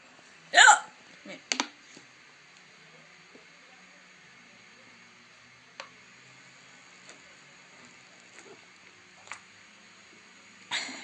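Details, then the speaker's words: Woman with persistent, loud hiccups that nothing relieves, even drinking water; sharp hiccup with a brief voiced catch, then fainter clicks in a quiet room: hiccups. "No, con nada se me quita. Y lo peor es que es súper escandaloso mi hipo."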